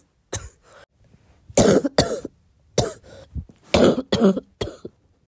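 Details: About six loose, rattly coughs in short bursts from a girl, in a short wet-cough compilation: wet, productive cough.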